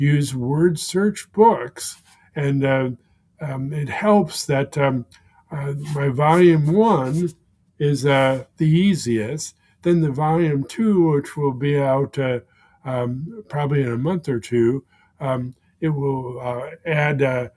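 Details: Man with aphasia for more than 16 years following a stroke; aphasia.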